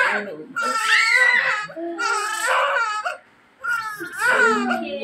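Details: Three loud, rhythmic high-pitched cry bursts with short pauses from a newborn baby girl just after normal vaginal delivery, the mother's third baby; a vigorous first cry.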